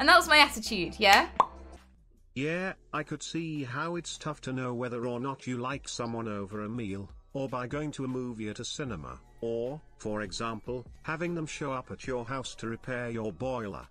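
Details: Adult speaker; normal speech.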